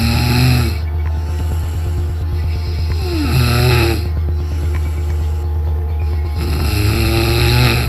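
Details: A sleeping cat snoring in low rumbling, rhythmic snores, partly covered by loud music.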